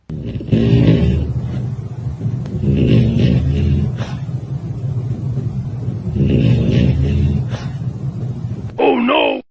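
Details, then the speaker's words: Two sleeping dogs snoring, one after the other: low, rumbling snores in repeated bursts with each breath, then a brief higher-pitched sound at the end. "给你们听听福利和火腿的打呼声，这是福利的，这是火腿的。"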